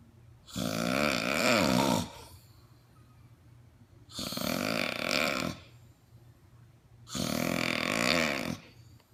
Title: Sleep Apnea sounds like this!